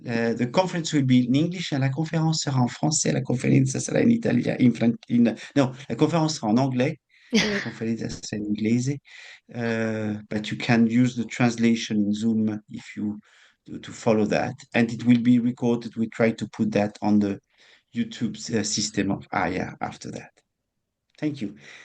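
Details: Adult man speaking; no disorder.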